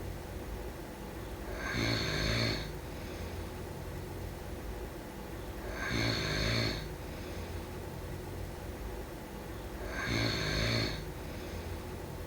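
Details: Three rattling snores about every four seconds, roughly 15 breaths a minute, over steady room noise, during sleep: ordinary snoring.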